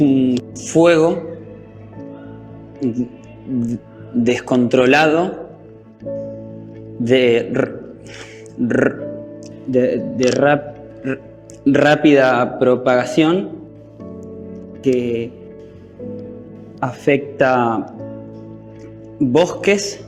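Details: Stuttering in a male school student speaking Spanish, getting stuck and unable to get his words out during a classroom presentation.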